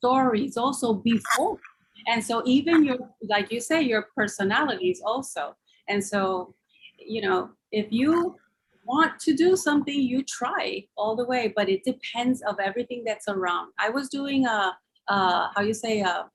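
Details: Adult man with aphasia after a stroke about 3 years earlier, slowly improving, attending six therapy lessons a week; aphasia.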